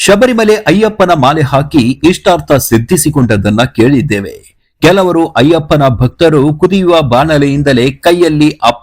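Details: Adult male narrator; normal speech.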